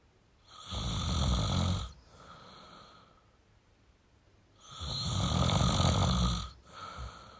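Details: Male snoring: two loud, rough, rattling snores on breathing in, each followed by a softer out-breath; heavy snoring.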